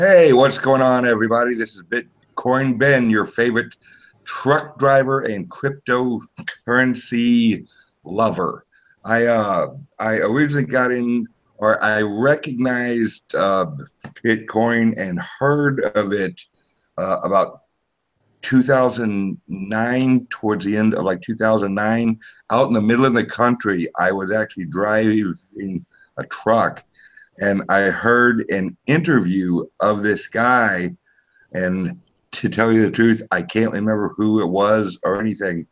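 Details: Self-reported speech impediment of unspecified type in a man, a truck driver; dysfluency; speech impediment.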